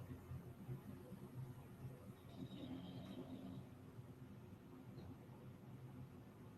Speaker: And as you can hear, like, that's my dog snoring in the hallway. He's laying right by the office door and he snores out there, but like it's hard to not want to like fall asleep to the soothing sounds of Bulldog Ocean. It's like the tides rushing in and out, his snoring.